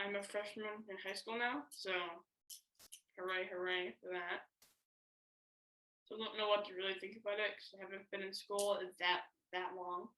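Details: Male high school freshman who stutters, on a panel of people who stutter. Stuttering.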